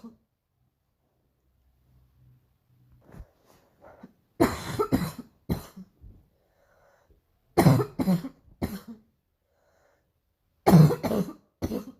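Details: Painful morning cough: three loud bouts of harsh, repeated coughing, two to three bursts each, with quiet breathing between.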